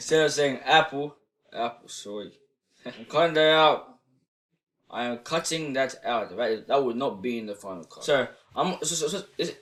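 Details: 16-year-old male who stutters in normal conversation but reports no stuttering when singing or rapping; stuttering.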